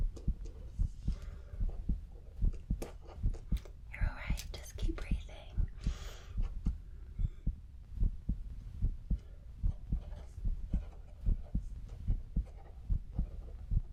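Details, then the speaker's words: Simulated ASMR doctor check-up roleplay: steady, regular heartbeat about 74 beats per minute under soft whispering during heart and lung auscultation; normal heart sounds. "so I'm going to listen to your heart and your lungs"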